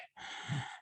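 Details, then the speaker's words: Vocal imitation (not a real patient) of the gurgling respirations of pulmonary edema, with fluid built up in the alveoli: a wet, bubbling, low rumble like breathing through a bubble. "when they breathe and you listen to their lungs it sounds like they're they're gurgling"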